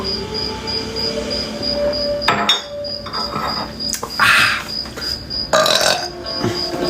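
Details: Compilation of burping: three loud, rough belches over steady background music and a repeating beep; ordinary burping.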